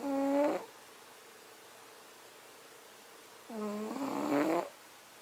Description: When cat snoring in sleep he is in a state of deep relaxation.